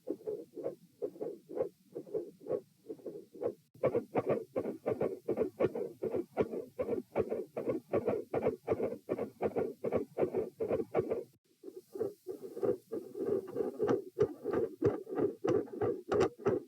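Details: Same subject lying supine, recorded at position P: fast paired heart thumps with a rough whooshing between beats; mostly mid-systolic murmur.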